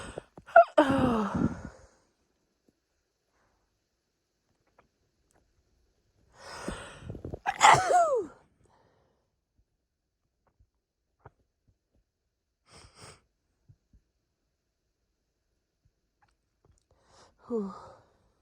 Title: Hitchy sneeze fit (F)